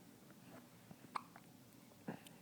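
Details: A baby, 8 days old, gives two short, abrupt hiccups about a second apart in a quiet room; hiccups.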